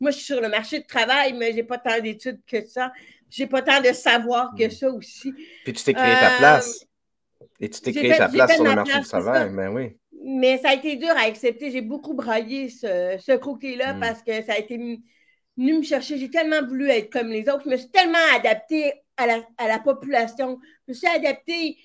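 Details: Severe-to-profound deafness in an adult woman who hears with her right ear via a hearing aid and now a cochlear implant, and who worked on her voice on her own; deaf speech (severe-to-profound hearing loss).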